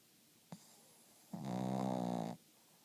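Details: Snoring: a brief click, then one long, buzzing voiced snore of about a second in a quiet room.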